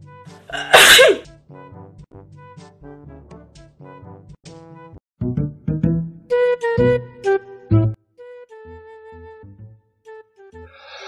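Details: Sneezing from a girl, comedy sneezing-styles clip: one loud, sharp sneeze early on, then music carries most of the clip.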